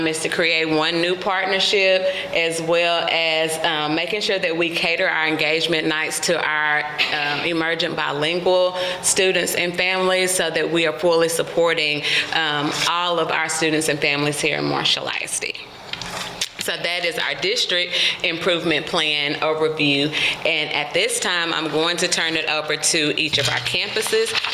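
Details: Adult woman; normal voice.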